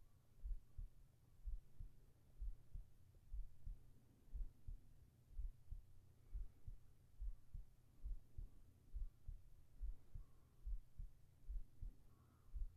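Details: Steady, regular low thumping at about 67 beats a minute over a soft hum, from a heartbeat recording made for sleep and relaxation ASMR with whispering: normal heart rhythm.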